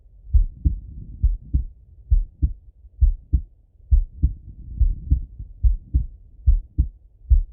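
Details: Male heart auscultated with a stethoscope: steady lub-dub about 67 a minute, clear first and second sounds, no added noise; normal heart sounds.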